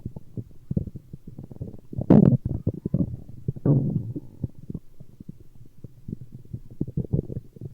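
Gurgling, bubbling rumbles with two louder growls from the belly: ordinary stomach growling from gas and fluid moving through the gut.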